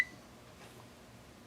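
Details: A single sharp electronic beep as a key is pressed while programming an Alaris MedSystem III infusion pump, setting a dose of 10 mcg/kg/min, then quiet room sound; a normal keypress tone.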